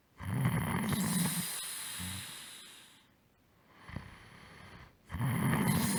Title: Snore breakdown01